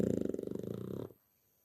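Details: Child (Richard) snoring: a single loud, rattling, pulsing snore lasting about a second, then quiet; ordinary snoring.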